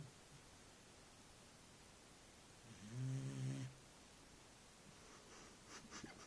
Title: Dog snoring